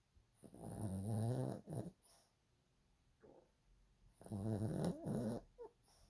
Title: Yorkie/Roney/sleeping snoring beauty